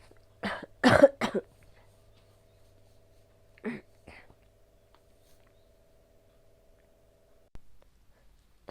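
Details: Adult with COVID-19 caught from their child, coughing up large amounts of sticky phlegm with a sore throat: three harsh coughs then two softer wet, productive coughs.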